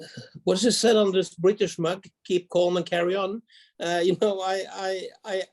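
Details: Stuttering in an adult man who grew up with a severe stutter, now largely overcome; small blocks remain.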